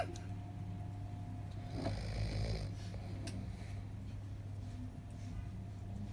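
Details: Snoring during sleep: low rumbling snore on an in-breath over a steady room hum; ordinary snoring.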